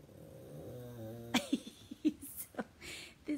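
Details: Five-year-old pug, a former stray with dry, scaly skin, asleep and dreaming; a drawn-out, humming snore followed by short snorts and soft snuffling noises.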